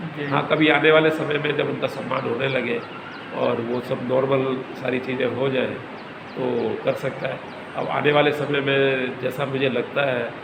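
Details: Adult male speaker; stuttering.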